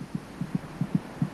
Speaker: it's quite loud the fetus's heart beats about twice as fast as her mother's monitoring the baby's heartbeat gives a good indication of her General